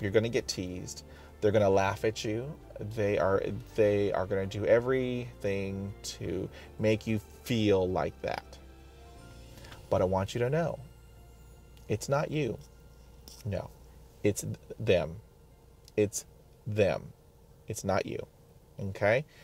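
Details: Adult man who stutters, self-recorded, describing blocks; sound and part-word repetitions; stuttering.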